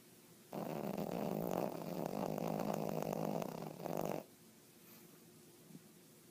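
One long, loud, rough rattling snore lasting nearly four seconds, then quiet breathing.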